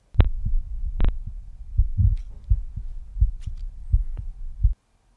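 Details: Soft regular lub-dub heart sounds at about 80 a minute, self-recorded by a medical student with a Stemoscope Bluetooth stethoscope chestpiece in bell mode over the pulmonary valve area, quieter there; normal.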